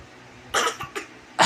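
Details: Infant giving a few short, breathy pretend coughs on request: a playful voluntary imitation cough, not an illness cough.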